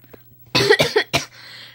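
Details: Three quick, harsh coughs in a row from a child with a cold, who says the cough is horrible; cough.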